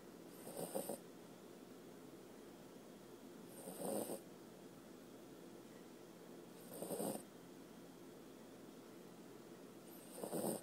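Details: Sleepy puppy snoring: regular rasping snores about every three seconds, roughly 19 a minute, against quiet room noise; snoring during sleep.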